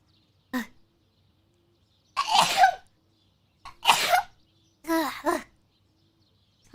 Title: ask chat would they still eat pudding that sneezed by her? [HololiveEN]